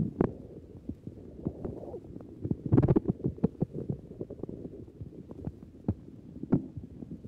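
Frequent gurgles, clicks and rumbles through a stethoscope on the belly: normal but very active bowel sounds.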